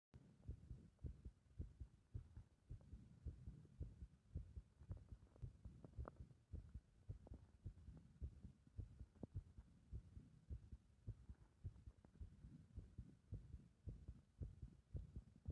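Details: Heart sounds with the rhythm thrown into disorder by pressure (compression) on the chest: low heart thumps with uneven spacing; irregular heart rhythm.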